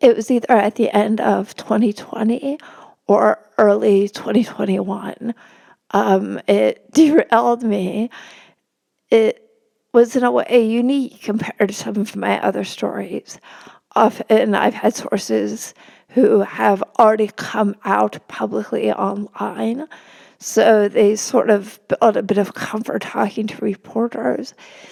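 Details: Woman, a religion reporter, who has spasmodic dysphonia; spasmodic dysphonia.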